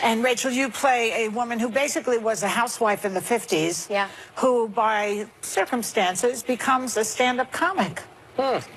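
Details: Adult woman, talk show host; Normal speech.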